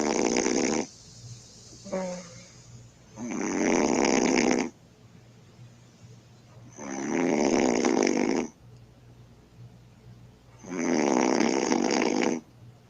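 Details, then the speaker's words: Loud, harsh, rattling snores on each breath, about one every four seconds, with a faint vocal sound between; heavy snoring from a sleeping woman, recorded by her boyfriend. "he says my girlfriend's snoring like a beast let's see"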